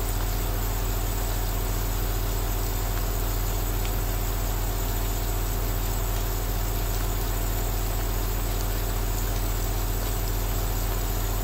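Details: Steady low humming drone with fast even pulsing: an aerosol nebulizer running continuously, with faint rain in the background.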